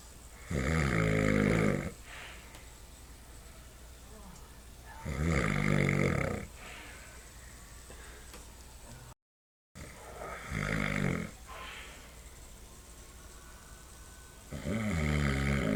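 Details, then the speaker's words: Adult man (father) snoring very loudly: rough, rattling snores on each in-breath, about four breaths over fifteen seconds, with quiet out-breaths between. "Yeah, you were snoring so loud."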